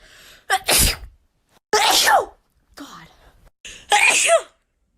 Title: Wet sneeze compilation